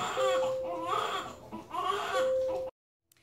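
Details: A newborn boy crying in hospital after a planned C-section: two loud, rhythmic wailing cries over a steady background tone, an ordinary healthy newborn cry.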